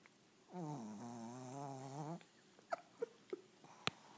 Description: My sweet 6 1/2 year old Shih tzu doesn't bark, but snores when she sleeps on her back...too funny!